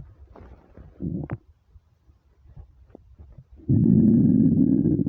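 Short gurgles, then a sustained low rolling growl lasting over a second; stomach rumbling of hunger.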